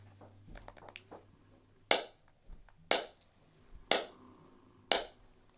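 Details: Softwave shockwave therapy on an ankle during a chiropractic visit, applicator slowed at setting five to search for painful adhesions: sharp, loud snapping pulses about once a second, a few softer taps before them.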